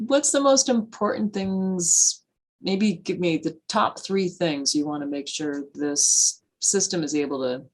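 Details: Adult interviewer; normal speech.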